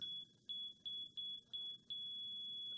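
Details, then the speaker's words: Regular high heart-monitor (EKG) beeps, one per heartbeat, merging into a continuous tone at the end, played as a sonification example of heartbeats "when everything is good, until it's not." "We have an EKG, and this, again, is for heartbeats, and when everything is good, until it's not."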